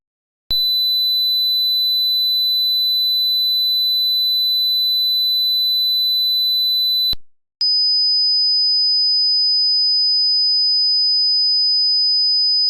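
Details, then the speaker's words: Tinnitus simulation: steady high-pitched ringing tones imitating tinnitus, heard with no outside source; tinnitus can also sound like buzzing, humming, clicking or hissing. "Tinus is a condition where you hear sounds that aren't caused by anything external. Instead, the sound seems to come from inside your ears or your head. And it is not always just ringing. It can sound like buzzing, humming, clicking, or hissing sounds."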